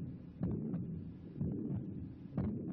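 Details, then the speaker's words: Low, muffled heartbeats about once a second with a rushing, wind-like whoosh between them, played on a heart-valve health TV programme as an abnormal heartbeat with a murmur, in a segment on mitral valve regurgitation. "但是感觉有些不同，像这个大风刮过去一样的声音，呼呼的。"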